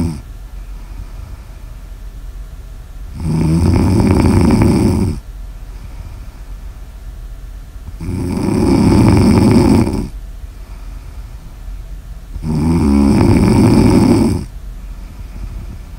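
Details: Snoring audio recorded during sleep: loud, rough snores about every four to five seconds, about 14 a minute, over steady room noise; snoring.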